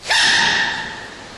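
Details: Single sudden, high, squeaky burst of air fading over about a second from a young panda: a baby panda's sneeze.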